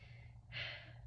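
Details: Normal deep breathing over the posterior chest through clothing, stethoscope diaphragm, woman breathing in and out through her mouth during a respiratory assessment.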